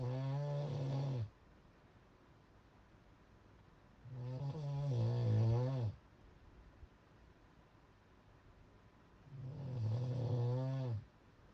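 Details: Heavy snoring: loud, low, rattling snores on each breath in, about 12 a minute, with quiet breathing out between them.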